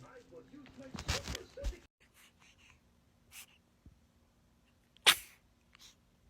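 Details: Infant sneeze: a single sharp, high sneeze after quiet sounds; an ordinary sneeze.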